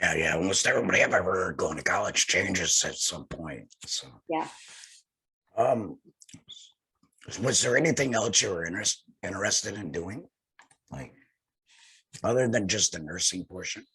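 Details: Laryngectomee speaking with a tracheoesophageal voice prosthesis (TEP); tracheoesophageal speech after laryngectomy.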